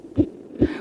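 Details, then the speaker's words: Fetal heartbeat of a baby in the womb at 6 months of pregnancy: quick, soft, muffled thumps at a fast, even rate of about 140 beats per minute. "hear that it's the heartbeat of an infant in the womb at 6 months his heart's beating at about 140 beats per minute"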